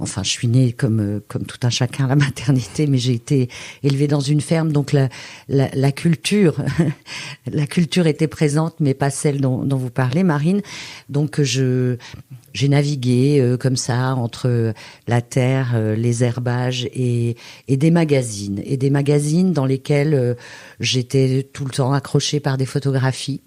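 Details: Adult woman speaking French; normal voice.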